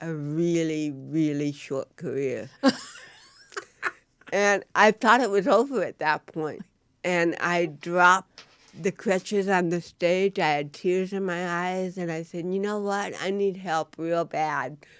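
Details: Real-life speech from a woman, an actress, who has cerebral palsy; dysarthria in cerebral palsy.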